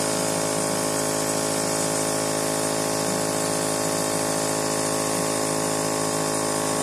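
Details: Steady, even mechanical hum and buzz of a nebulizer compressor running continuously for an asthma attack, with no breathing sounds heard.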